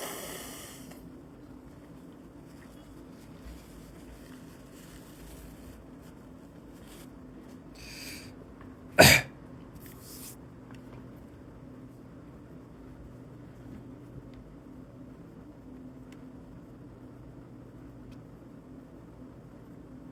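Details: Acted ASMR sick-day sounds: one abrupt, forceful sneeze with faint sniffles before and after, over quiet room noise.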